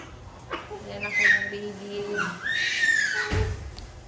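High, wavering wails with rising and falling pitch from a newborn just after birth, with room noise; a normal first cry.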